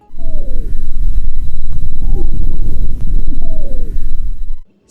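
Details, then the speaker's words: Musical whistling wheezes with falling pitch over rough breath noise, from narrowed airways; such wheezes typically arise with acute respiratory viral infection and bronchial obstruction, or in COPD or asthma exacerbations. "звучные хрипы как правило возникают на фоне острой респираторной вирусной инфекции с формированием бронхообструкции а также при обострении хронической обструктивной болезни лёгких или астмы"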